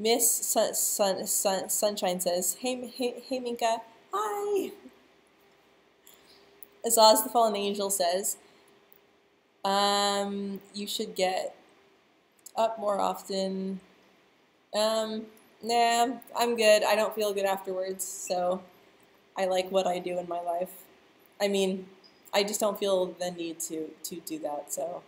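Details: Stuttering in a person who stutters, speaking live; stuttering.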